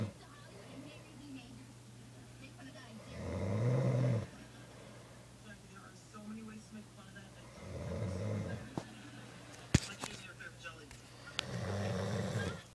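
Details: Person snoring during sleep: three loud, low, rattling snores about every four seconds, with quiet breathing between them; snoring.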